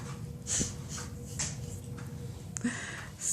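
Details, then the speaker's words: Exaggerated hiccups in a male who can't eat his food: two brief, sharp breathy bursts in a quiet room with steady background hum. "so he can't eat his food but he could chug down a whole damn beer is it hiccups or he has completely hiccuped you be the judge"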